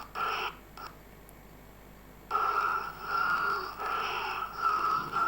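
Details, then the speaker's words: Child's nocturnal asthma attack shown in a pediatric talk on allergy and asthma: repeated strained, panting, squeaky breathing and cough with whistling wheeze. "veis esa respiración jadeante silbante silbidos o como a veces esa crisis de asma que muchas veces y lo más frecuente es que sea nocturna oa primera hora de la manera"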